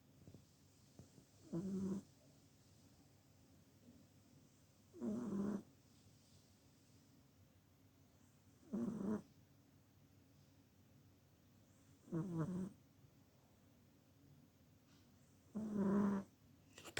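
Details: Five soft, regular snoring sounds on inhalation over quiet room background, about 17 breaths a minute, from a sleeping cat; cat snoring.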